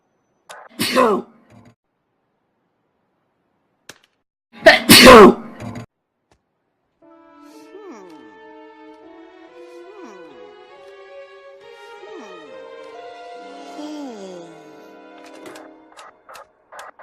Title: Sorry I Sneezed